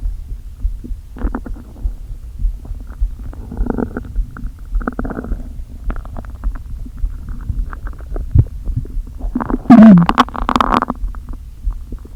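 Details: Stomach noises after not eating all day, with the stomach deliberately inflated a little: low empty-sounding gurgles and groans with one louder rumbling burst near the end; borborygmi.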